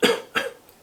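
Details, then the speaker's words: Two brief, abrupt throat-clearing coughs: a vocal cough tic in an adult man with Tourette syndrome since age six. "if it's audio it's like where you could do for me a lot of the time nowadays i do a cough"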